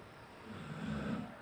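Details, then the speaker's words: Female dog sleeping in the room during conversation, a low rumbling breath sound rising and fading against room noise; snoring. "Oh, that's the dog. The dog snoring. You can hear it, can't you?"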